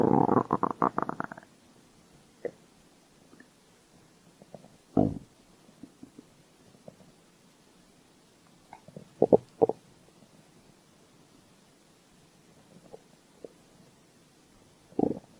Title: Stomach growl